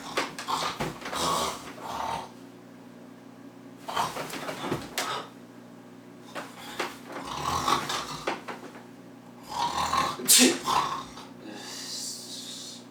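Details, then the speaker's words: An adult imitates heavy snoring: four rough, rattling snore bursts with quiet gaps between them over a steady low room hum. "imagínate esos ronquidos que te metes en la madrugada Y peor Aún si te quedas en la casa de alguien porque te terminan contando"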